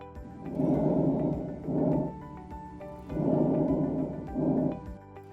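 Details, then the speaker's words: Normal vesicular breath sounds in a teaching recording: soft, low-pitched rustling from lung tissue filtering, with inspiration longer than expiration. "character it is low pitched rustling in nature and is produced by the attenuating and filtering effect of the lung parenchyma"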